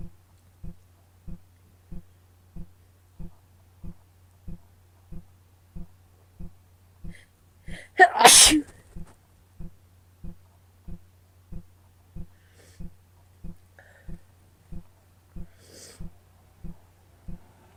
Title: Cold and flower induced sneezes, hitching and wet nose blowing